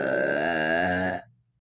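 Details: Cartoon burp scene from Supernoobs with Venrock, Memnock and Zenblock: a long, drawn-out voiced belch lasting over a second, then fading out.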